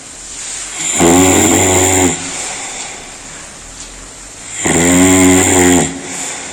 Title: World's LOUDEST HUMAN SNORING SOUND